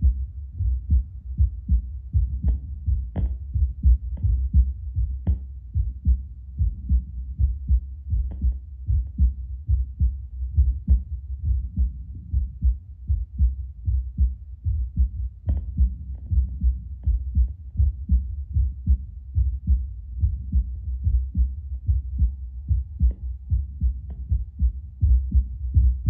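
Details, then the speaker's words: Adult's own heartbeat about two minutes after espresso, Littmann CORE Bluetooth stethoscope on a speaker: steady low normal heart sounds near 76 a minute, rate little changed but beating slightly stronger. "Just like listening per minute doesn't seem to have changed too much. Sounds like my heart's just beating a little bit stronger."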